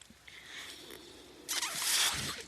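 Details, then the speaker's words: The speaker's own mechanical ventilator during a spoken podcast: a soft airy hiss swells into a louder rush of airflow, then eases off as the ventilator delivers a breath. "My name is. That noise you're hearing is my ventilator."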